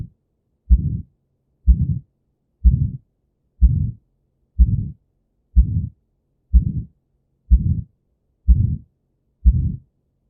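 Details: Aortic stenosis: regular heartbeat near 62 a minute, each first sound trailed by a harsh systolic ejection murmur; aortic stenosis can be caused by calcified aortic valves.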